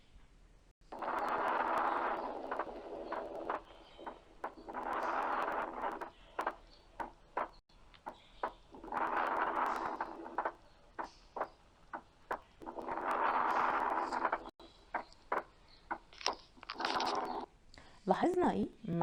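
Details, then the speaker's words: Physiological splitting of S2 with an intact interatrial septum: breath noise audible, S2 splits into two during inspiration and becomes single on expiration. "بيحصل الاس 2 بسمعه دقتين مش دقه واحده، لبط دب لبط دب. وبعد كده مجرد ما الانسبيريشن نفس يبتدي يقل شويه بلاقي قربوا من بعض"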